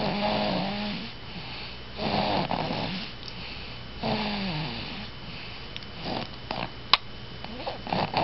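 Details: Snoring: rhythmic, throaty, buzzing snores about every two seconds, roughly 30 breaths a minute, in a quiet room.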